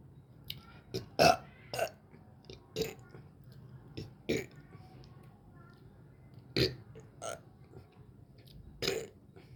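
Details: A series of short, throaty, gulping burps at irregular intervals, about eight over ten seconds, in a quiet room; belching.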